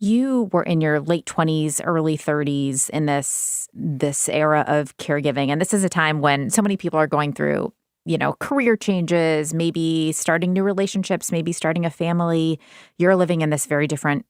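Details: Adult woman speaking; Normal fluent speech.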